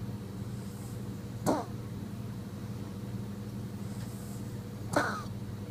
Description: This is what it sounds like when a very catnipped and freshly brushed Maine Coon snores.